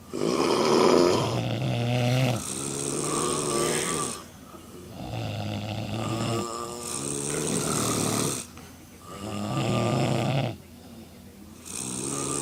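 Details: Four girls (sisters) snoring while asleep drunk in a hotel room: loud, rough, rattling snores from several sleepers overlapping in long bursts in a small room.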